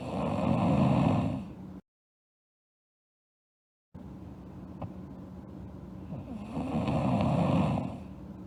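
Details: Girl asleep, snoring: low rattling snores on inhalation, two breaths heard with a gap between.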